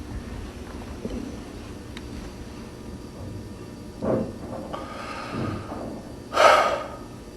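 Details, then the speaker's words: Occasional irregular snorting gasps separated by long pauses in an unresponsive casualty after a seizure, demonstrated during a CPR/AED course breathing check; agonal breathing, not normal breathing, a cue to start CPR. "someone first thought you might think that person's breathing but actually that's called agonal breathing and that that that isn't normal breathing"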